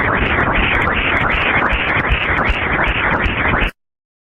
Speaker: the ductus venosus has a characteristic sound its sound looks like the sound of washing machine listening while sampling is helpful to confirm correct cursor placement this is the sound of ductus vosis Doppler